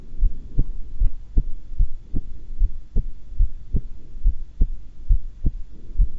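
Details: Normal heart sounds at rest during a breath-hold, calm and not excited: steady paired lub-dub thumps at about 75 beats a minute with faint low hum behind; breath held twice.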